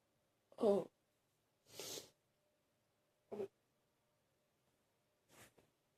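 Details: Four separate deep coughs from an adult, spaced by quiet pauses in a small room; ongoing deep coughing in someone feeling a bit better.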